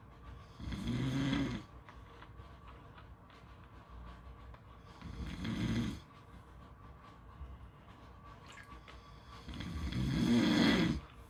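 Three rough, rattling snores on inhaling, about one every four to five seconds, with steady background hiss between them.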